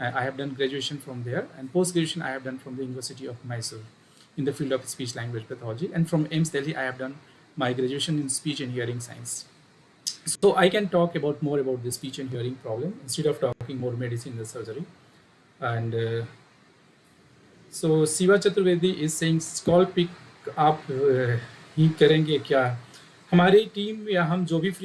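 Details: Adult male speaker; normal speech.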